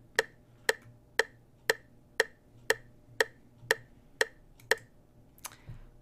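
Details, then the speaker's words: Google search metronome on a smartphone set to 120 beats per minute for timing CPR chest compressions: sharp, even wood-block clicks at 120 a minute. "the other thing that one can do which is very simple it's just google search metronome and a metronome comes up so if for example you wanted 120 beats per minute you just move the slider over to 120 and start it"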